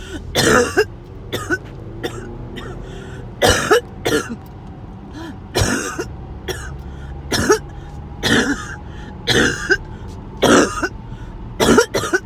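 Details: Sudden harsh coughing and choking episode that came out of nowhere: about ten forceful cough bursts in irregular clusters with strained throat sounds between them.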